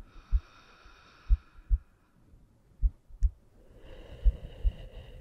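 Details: Soft, low paired heartbeat thumps at roughly 70 a minute over a steady hum, a calm heartbeat from an ASMR relaxation and sleep recording.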